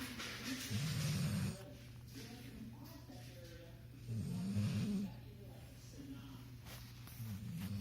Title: Work hard Play hard Sleep snoring 29032018